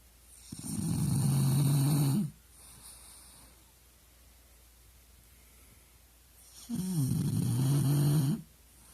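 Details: A sleeping dog snoring: two long, loud, low rumbling snores about six seconds apart with quiet breathing between.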